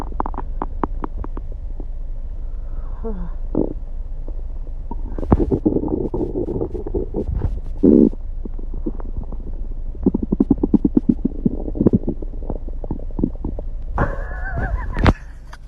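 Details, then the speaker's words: Adult male's stomach growling after being upset all day; he can feel it moving. Frequent gurgling, bubbling and rumbling bowel sounds with several louder growls. "My stomach has been upset like all day. So, we're gonna see what it sounds like."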